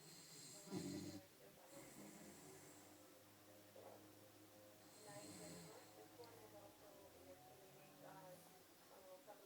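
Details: Sleeping dog with tongue sticking out and eyes half open: low rumbling snores with snorting sounds over faint room noise; snoring.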